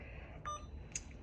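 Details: Alaris infusion pump being programmed for a primary infusion: two short electronic beeps with a soft click over quiet room noise as keypad buttons are pressed.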